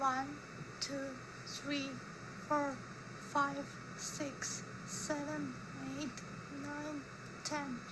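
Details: 38-year-old woman with unilateral vocal fold paralysis, probably post-viral high vagal injury, voice changed two years earlier after an upper respiratory infection; high-pitched, breathy, thin, strained voice with short maximum phonation time from glottal incompetence.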